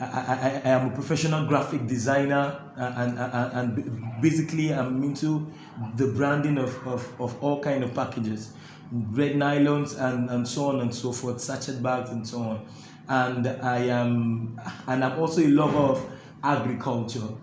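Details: Adult male with stuttering (stammering) that makes talking difficult and is absent when singing; the interviewer notes he stammers a bit; stuttering.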